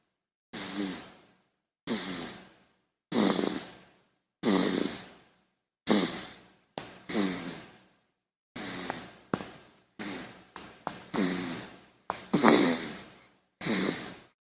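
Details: Short, soft, slightly voiced snoring from a sleeping infant, with brief silent gaps between breaths.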